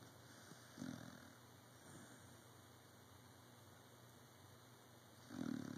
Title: The snoring dog...